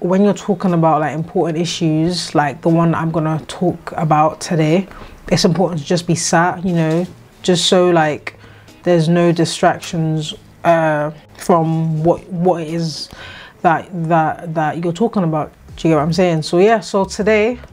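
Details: 26-year-old woman with a lifelong stammer that has come and gone and was at times severe, treated with speech therapy; she says it is more prominent here because she is tired and slept badly; stuttering (stammering).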